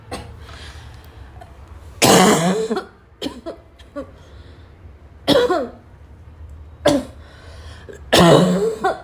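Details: Girl's afternoon coughing fit that started weak and became violent, tagged as a barking cough: five forceful, harsh coughs separated by pauses, with throat clearing; cough.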